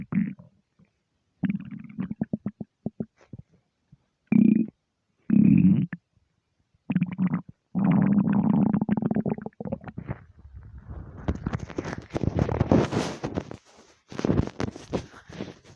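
Bursts of low gurgling and rumbling from the belly with short gaps, then a longer bubbling stretch: ordinary hunger rumbles of an empty stomach.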